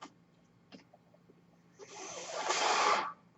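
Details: The speaker's own mechanical ventilator is audible in the background while they talk on a podcast; mechanical ventilator breath sounds.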